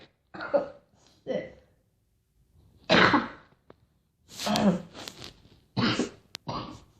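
Several harsh, irregular coughs with throat clearing between them; an ordinary cough.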